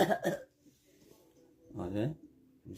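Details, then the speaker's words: An adult deliberately fakes coughing to practise calling in sick, in a comedy skit: two quick forced cough bursts, then a voiced, throaty cough-like sound; acted voluntary cough. "practicing why practicing for what the cuff Olympic there's like a [ __ ] what is there like a tournament for coughing worst cough going on right now"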